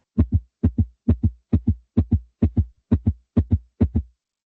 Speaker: Y por encima de los 100 latidos por minuto la denominamos taquicardia.